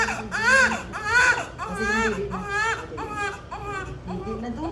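Repeated rising-and-falling wails from a newborn in a small room, with faint background talk. An ordinary newborn cry.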